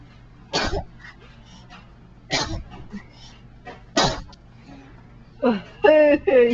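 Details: Baby sitting on mother's lap sneezes: three short, sharp, slobbery sneeze bursts about two seconds apart, then brief vocal sounds; ordinary sneezing.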